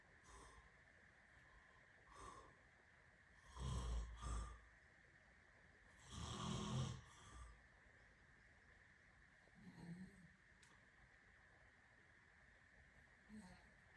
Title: snoring am 21.05.2023